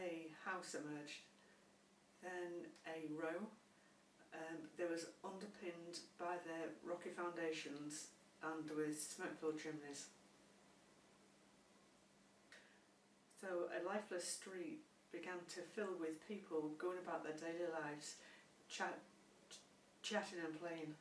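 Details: Stammering in an adult woman who has had speech and language therapy.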